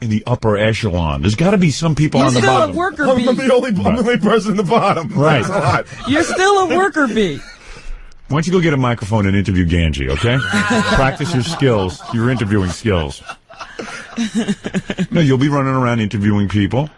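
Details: Adult men talking; ordinary conversational speech.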